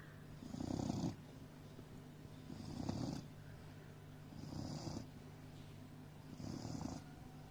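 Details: Doberman dog snoring: regular rough rattling breaths with a soft hiss, about 30 breaths a minute; snoring.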